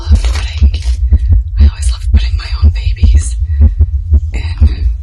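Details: An adult woman's own heartbeat, stated as over 130 BPM, loud, regular low thumping at about 120 a minute with faint voices; a rapid heartbeat from excitement, shaking, while unboxing a reborn doll.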